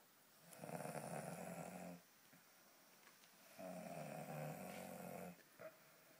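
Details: Boy snoring: two loud, rough snores on breathing in with quiet gaps between them; ordinary snoring.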